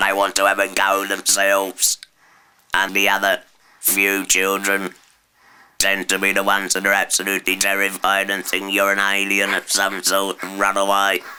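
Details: Woman after total laryngectomy (surgical removal of the larynx) speaking with a substitute voice; alaryngeal speech after total laryngectomy.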